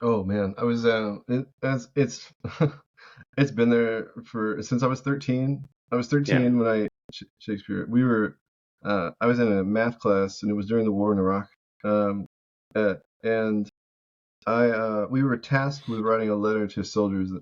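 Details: Vocal tic from Tourette syndrome in an adult male veteran, an involuntary recurring single-word tic blurted mid-sentence.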